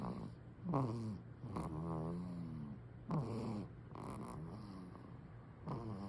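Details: Soft, irregular snoring with some tonal, voiced breathing noises, about 25 breaths per minute, from a napping baby; ordinary infant snoring.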